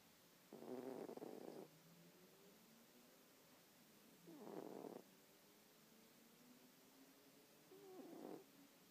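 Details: Male cat aged 15 snoring while asleep and dreaming, twitching: soft, rasping snores on each breath, roughly 16 a minute, with faint whistly sounds between.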